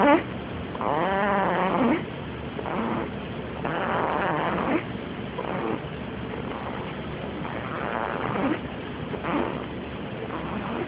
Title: My baby snoring